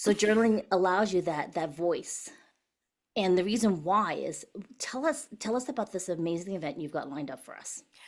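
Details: Adult woman speaking; normal voice.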